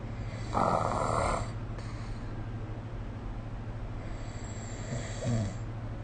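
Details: Snoring during sleep recorded with the SnoreLab phone app: a harsh, rattling snore followed by a softer one over steady room hum.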